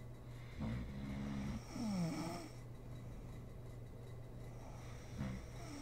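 A rumbling snore with a rising, whistling tail, then quiet, then another snore starting, over a steady background hum: snoring in sleep.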